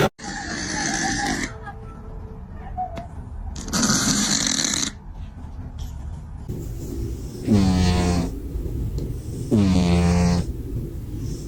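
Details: Cat snoring like a human while asleep: loud, rasping, drawn-out snores, each breath ending in a low buzzing rattle.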